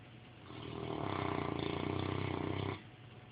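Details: Snoring: one long, rough, fluttering snore on a breath in, lasting about two seconds, then quiet.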